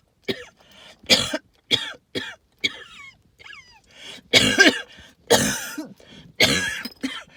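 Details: Wheezing with cough, linked to tree pollen and mold spores: repeated harsh hacking coughs with high whistling wheezes between them.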